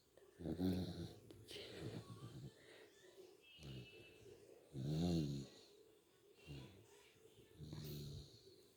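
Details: A dog sleeping at midday snores with rhythmic, rattling sounds, about four breaths in nine seconds, quieter breaths between: snoring.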